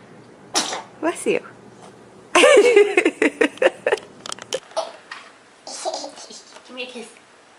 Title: Funny Happy Babies Sneezing.